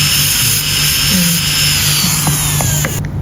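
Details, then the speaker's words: Demonstration of a class I amalgam cavity preparation on a premolar with a micromotor and contra-angle handpiece. The round bur stage, described as slow, gives a loud, steady high whine with shifting pitch as the bur cuts. "kalau udah pertama itu yang bur bundar memang yang agak lama"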